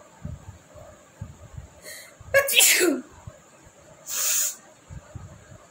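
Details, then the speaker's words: Sneezing challenge using chili powder and tickling the nose: two forceful sneezes with quiet breathing and a soft voice between them. "পরপর হচ্ছে, এরকম হলে বেশ মজাই লাগে, আমারও ভালো লাগে করতে।"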